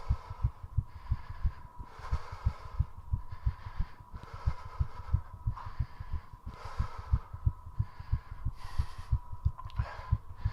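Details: Very fast regular heartbeat, about 180 a minute, with heavy breathing, recorded during 3:30 minutes of squats done to raise the heart rate as high as possible; tachycardia after exercise.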